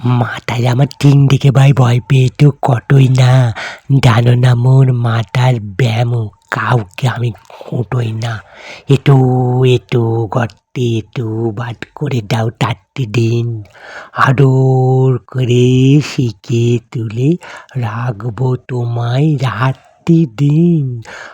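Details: Reciter described as stuttering a little, reciting a Bengali poem, and said to recite well despite it. Mild stuttering.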